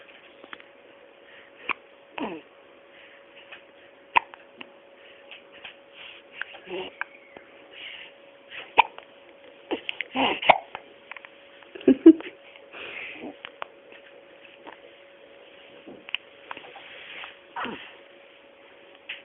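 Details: Hiccups in a 5-day-old newborn: repeated brief, soft hiccup sounds over a quiet background with a steady hum.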